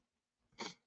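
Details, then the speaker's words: Sneeze with a snort from an adult who is talking; the speaker says he is not sick and is drinking ice-cold water. "sneezing [snorts] all over the place. I'm not sick or anything, don't worry."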